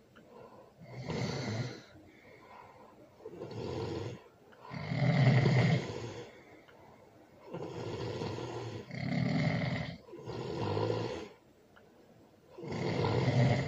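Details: Loud snoring during sleep, recorded with a baby present: rough snores on each breath in, about 15 breaths per minute, with quiet pauses between snores.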